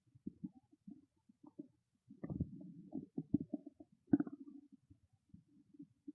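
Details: Soft irregular gurgles and rumbles with a couple of louder bursts from a hungry stomach; borborygmi, a normal bowel sound.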